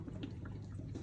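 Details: Neonatal bubble CPAP at 8 L/min, gas at 37 degrees, water column set to the desired CPAP level (e.g. 5): soft, steady low bubbling and gurgling of water in a small room.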